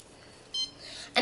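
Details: Single short high beep over quiet room noise from a home IV antibiotic infusion pump, signalling the bag is latched, before the reservoir volume is reset.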